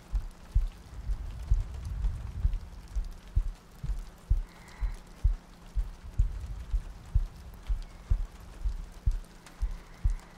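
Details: ASMR sleep-aid loop, likely simulated: soft, steady low heartbeat thumps at a resting rate of about 63 per minute under rain noise, meant to sound like lying next to a partner; heartbeat.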